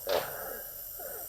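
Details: A short, harsh breath followed by thin whistling tones as air moves in and out: wheezing in a 55-year-old man with sudden-onset breathing difficulty, coughing up blood, chest and upper back pain, and a long-standing cough.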